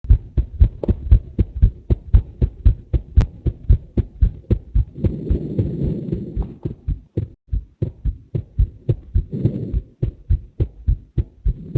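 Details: Heart sounds recorded alongside a cardiac MRI video: a steady, fairly fast heartbeat of about 115 beats a minute, with brief rustling noise partway through.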